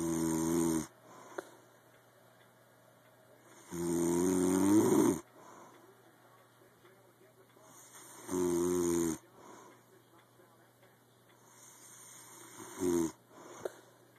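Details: Person asleep snoring, heard every night: loud rattling snores on breathing in, about one every four to five seconds, with quiet pauses between.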